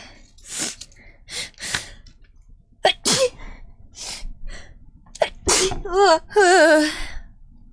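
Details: Compilation of sneezes: several sharp sneezes in a row from different people, some with a gasping in-breath first, ending with laughter amid streaming chatter and music.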